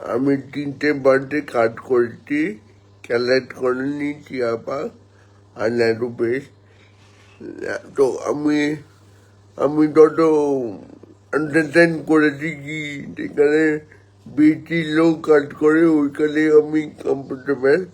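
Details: Adult man born 1988 with spastic cerebral palsy from lack of oxygen at birth, about 70% motor nerve damage affecting both hands and legs, speaking Bengali; dysarthria (cerebral palsy).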